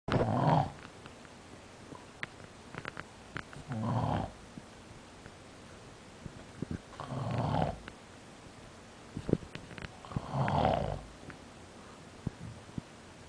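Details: Snoring: four slow, rumbling snores about every three seconds, with quiet gaps and faint clicks between them.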